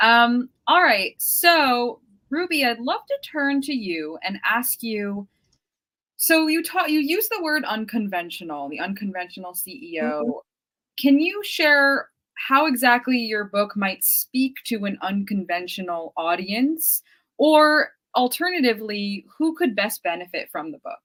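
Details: Adult woman speaking; normal speech.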